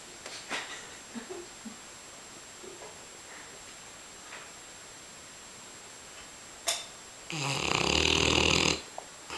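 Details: Large dog asleep, said to snore constantly; quiet room, then a sharp snort followed by a loud, harsh, rasping snore lasting about a second and a half: dog snoring.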